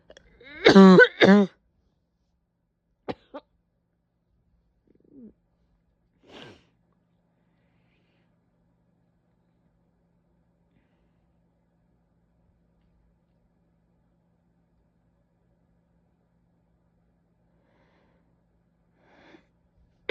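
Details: Two harsh, loud barking coughs in quick succession, then a few faint short sounds and long quiet; painful barking cough with a couple sneezes.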